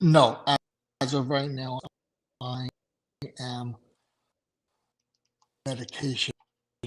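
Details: Adult male stroke survivor with aphasia after two strokes in November 2017; right-sided weakness, unusable right hand without feeling, short-term memory problems, 10 seizures since the stroke; aphasia.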